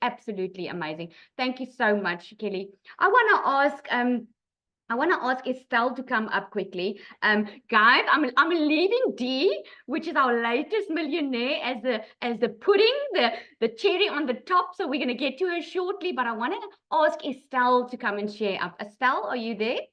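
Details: Adult woman speaking; ordinary speech.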